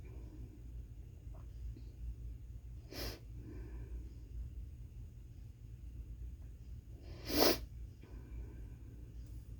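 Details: Stifled sneezing fit lasting all day in an office, cause unclear: two short, stifled sneezes a few seconds apart over a steady low room hum.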